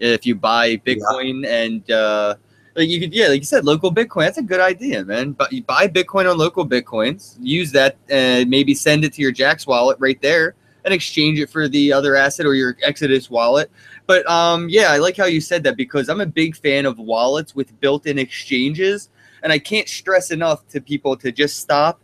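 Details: Adult man; normal speech.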